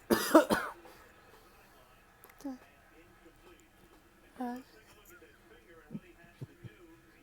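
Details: Adult man (father) sneezing repeatedly, four sneezes in the bout: one loud explosive sneeze, then quieter throat sounds and soft voices in a quiet room; sneezing.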